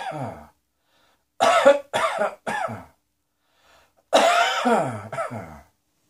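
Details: Cough: two bouts of harsh voiced coughing, about six coughs in all, in a quiet room.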